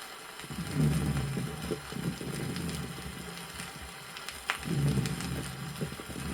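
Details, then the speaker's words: Severe pneumosclerosis (pulmonary fibrosis) on a 1964 USSR teaching record: low-pitched dry rhonchi across breaths with a few scattered moist crackles. "следующая запись иллюстрирует звуковую картину в лёгких при тяжелом пневмосклерозе выслушиваются низкие сухие хрипы и немногочисленные влажные"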